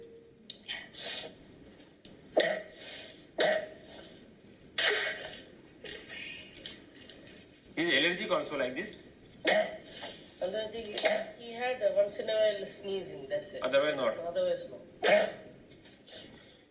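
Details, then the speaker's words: Child with repeated loud, dry, hacking, honking coughs coming in bouts, after an upper respiratory infection, absent in the morning and starting at school; habit (psychogenic) cough. "he had a dry hacking cough once or twice in the it was coming in bouts for having a upper aspect infection and the cough related with it or the fever"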